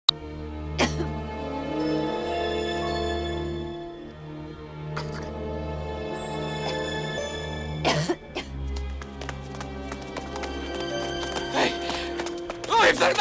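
A woman's acted coughs, a few short bursts heard under steady film music.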